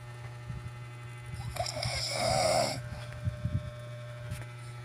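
One loud, harsh snore with a whistling edge over steady low room hum; snoring.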